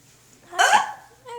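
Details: Single abrupt, voiced, gulping hiccup in a quiet room during a recurring, minutes-long bout of hiccups after eating Chinese food; a voice follows.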